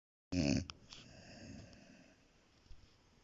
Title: Собака Асти храпит😂👍#shorts